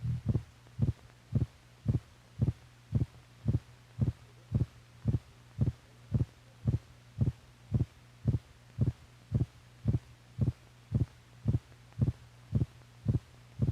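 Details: Normal heart sounds from a film for doctors that records heartbeats and correlates the heart's physical motion with the sounds it makes.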